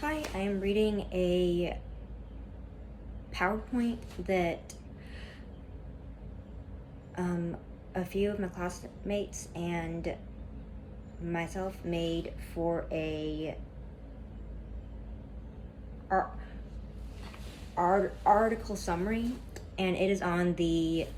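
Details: Stuttering in a speaker reading a class PowerPoint presentation aloud; the speaker describes a lot of tension at first that eases as the reading goes on.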